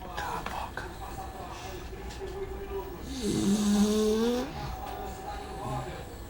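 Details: Small female dog sleeping so deeply a ringing phone doesn't wake her: rumbling snorts, partly covered by nearby talk and background music; snoring.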